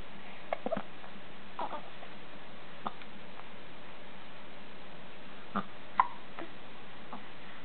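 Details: A cute bout of hiccups.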